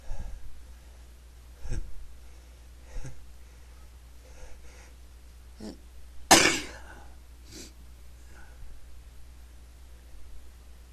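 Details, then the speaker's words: Person unable to stop sneezing: several soft breathy bursts, then one sharp loud sneeze near the middle, with quieter sneeze-like bursts after; steady low room hum. "I can't stop sneezing."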